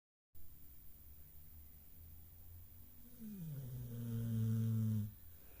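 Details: Low rumbling breath building to a loud droning snore on one long breath from a pet dog, steady room hum behind; snoring.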